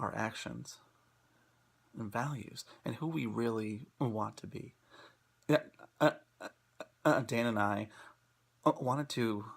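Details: Person who stutters, presenting on acceptance and commitment therapy (ACT) for stuttering; stuttering.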